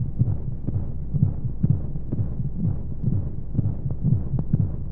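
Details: Womb-sound sleep aid for babies: muffled regular low heartbeat thumps, about 125 a minute, over a steady whooshing white-noise hum of flowing sounds, as heard inside the womb.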